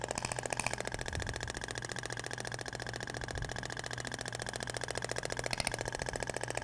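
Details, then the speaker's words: Radial shockwave on the abdomen with stainless steel tip, moved in the other direction; sound differs from the other tip material: rapid, steady mechanical tapping with a buzzing drone; radial shockwave therapy device firing. "agora vai para o outro sentido até o barulho é diferente da ponteira de palhacetal para inox"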